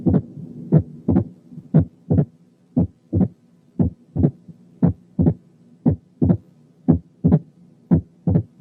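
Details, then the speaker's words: Opening snap of mitral stenosis: sharp snapping click after S2, spaced wider than split S2 components but closer than S3; slow regular rhythm about 57/min; teaching recording. "في لها كاركترستيك تانية، وهي إن السناب اسم على مسمى، يعني سنابي، يعني بالطرقع."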